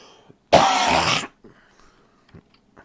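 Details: Adult gamer during a Minecraft session who thinks he just inhaled something; one loud, harsh, rasping cough under a second into the microphone, then quiet room sounds.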